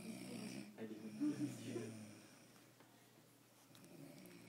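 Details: A brief, low, rattling snore on an in-breath, then quiet breathing with faint room noise, recorded during a pediatric infectious diseases session; snoring.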